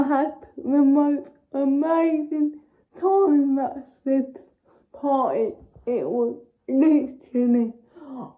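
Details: Young woman with cerebral palsy: dysarthria in cerebral palsy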